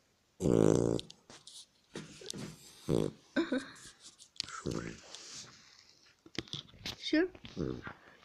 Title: Как храпит мая собака